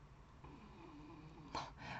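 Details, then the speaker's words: Sleeping dog, heard as French bulldog in clip, snoring after being unable to sleep, having snored loudly all night two days earlier: low rumbling growl-like breath then harsh noisy snort. "entendez comment elle ronfle voilà elle a récupère avec l'échalot qu'on a eu elle pouvait pas dormir"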